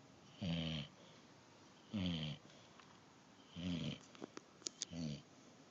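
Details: Sleeping dog snoring before being woken up: four rattling snores at a steady pace, roughly forty a minute, with a few faint clicks between; typical snoring.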